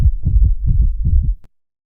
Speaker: okay here we go all right so now you see the difference normal heartbeat or normal sinus rhythm